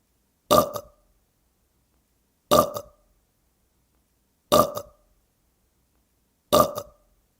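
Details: Burp sound effect: four identical short, throaty belches looped every two seconds in silence; burping.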